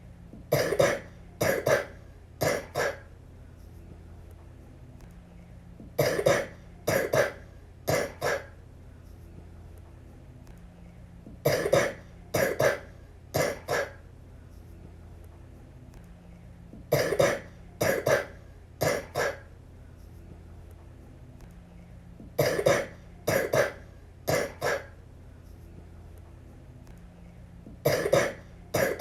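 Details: Young girl with influenza coughing in repeated bursts of three or four harsh coughs; flu cough.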